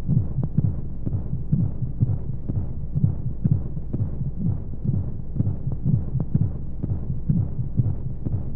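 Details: Womb sound played as a baby sleep aid with white noise: muffled, whooshing low heartbeat at about 60 to 65 a minute, double beats running together under a steady hiss, like inside the womb.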